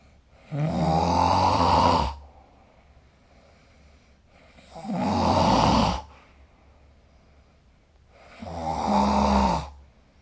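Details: Snoring during sleep, recorded with the SnoreLab app: loud, rough snores on each breath in, about 16 a minute, separated by quiet pauses.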